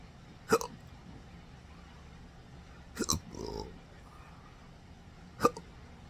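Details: Persistent hiccups since December 2015, after surgery left nerve damage (pudendal, phrenic, vagus): three abrupt voiced hiccups a few seconds apart, with a throaty burp after the second, in a patient calling it miserable; intractable hiccups.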